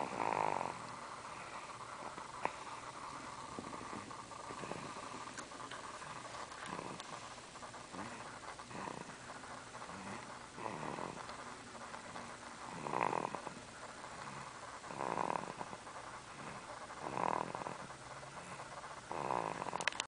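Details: Napping sleeper: soft rasping snores about every two seconds over a quiet room hum; snoring.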